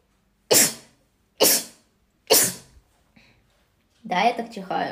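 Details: Three sharp, explosive sneezes in quick succession then a brief voiced sound, from an adult whose sneezes are normally rapid runs, averaging about six in a row; ordinary sneezes.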